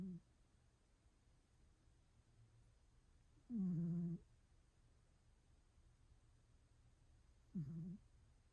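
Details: A cat with one ear snoring lightly: two soft, low, buzzing breath sounds about four seconds apart over a quiet background.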